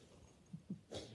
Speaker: ce que vous entendez ronfler à côté c'est mon chat